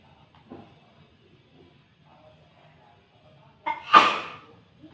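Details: A single loud, ordinary sneeze with a sharp in-breath before it, triggered while dusting, in a quiet room with faint rustling.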